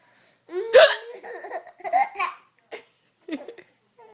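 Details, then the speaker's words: Baby giggling each time the mother hiccups: giggling child with a sharp, abrupt catch in the voice fitting a hiccup, then more laughter and short voiced sounds. "every time I hiccup he Giggles he's such a silly boy"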